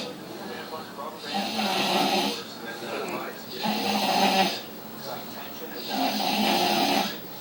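Three loud, rough, rattling snores on the in-breath, each lasting about a second, at roughly 25 breaths a minute; snoring.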